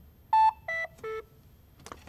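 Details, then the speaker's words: AED power-off tone from a Medtronic LIFEPAK automated external defibrillator during a training inspection: three descending electronic tones after the power button is held for a few seconds. "now turn the device off hold this button for a few seconds until you"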